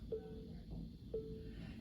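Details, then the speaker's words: LifeVest wearable defibrillator gong alert: two soft chime-like tones about a second apart, prompting the wearer to check the screen, here indicating an electrode not touching the skin. "So, that's the siren alarm. That's the biggie. Now, there is another alarm, and it's called a gong, and it sounds like this."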